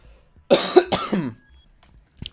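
Two short harsh cough bursts in an adult, ending with a throat-clearing sound, then a faint click.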